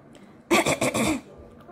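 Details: A short run of harsh adult cough bursts in a quiet room, the cough that an overweight pet cat reacts to strongly while sleeping.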